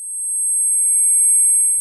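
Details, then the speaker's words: Simulated tinnitus: a steady, high-pitched electronic ringing in the ear, a symptom likened to a waterfall-like noise that is most noticeable in the silence of night. "o zumbido ou barulho de Cachoeira no ouvido é um problema que atinge mais de 30 milhões de brasileiros e é mais comum do que se possa imaginar"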